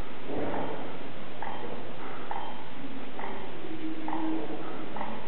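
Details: Baby panda with hiccups that can't seem to get comfortable: repeated short, jerky, snort-like sounds at fairly regular intervals under steady background noise.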